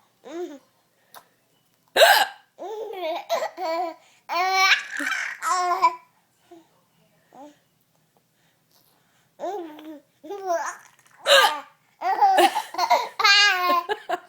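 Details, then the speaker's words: Adult mother hiccupping: abrupt short hiccup sounds, each followed by her baby boy's bursts of giggling and babble. "every time I hiccup he Giggles he's such a silly boy"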